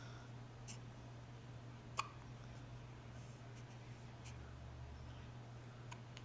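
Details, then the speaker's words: Hiccups in a baby, recorded with a Flip Video camcorder: a few faint, sharp hiccup clicks over steady room hum, one louder; the hiccup episode lasted about five minutes. "He's like, these hiccups suck. I didn't like them. I didn't like them when I was inside."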